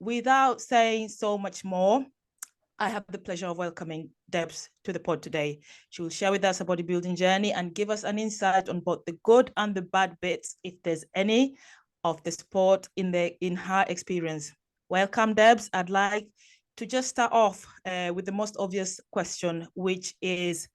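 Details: Adult woman speaking; normal voice.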